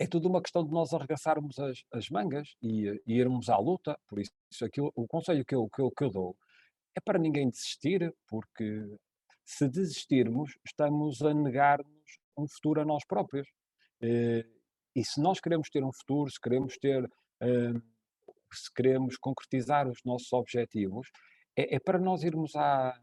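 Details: Adult male speaker, European Portuguese; speech with mild stuttering.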